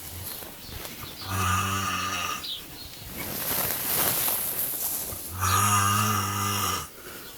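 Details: Man snoring: two loud, rumbling, buzzing snores on breathing in, about four seconds apart, with softer breath noise between them; heavy snoring.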